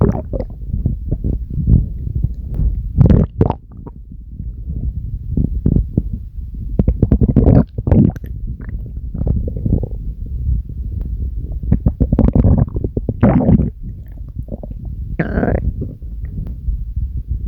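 Long, loud, deep rumbling and gurgling from the belly with bubbling surges; ordinary stomach growling.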